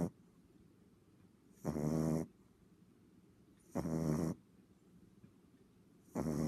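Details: Deep, rumbling snores about every two seconds, roughly 27 a minute, with quiet pauses: a dog snoring while asleep on the owner's lap, as it usually does.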